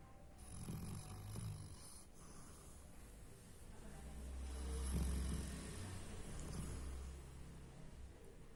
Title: Hachiko's Snoring